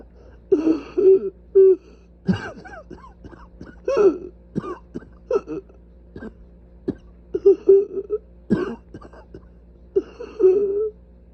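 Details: Repeated short throaty coughs and throat clearing with voiced, strained gasps between them, coughing from severely inflamed airways.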